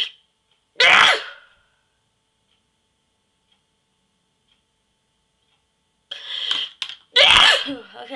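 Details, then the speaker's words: Person filming self sneezing with a sneeze inducer: two loud, explosive bursts of air several seconds apart, the second preceded by a brief catch; sneezes. "so yeah I'm going making another sneezing video for you now and upload it tonight maybe"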